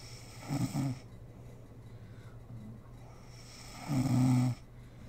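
Two loud, rattling snores on breathing in from a sleeping adult, with quiet breathing between them.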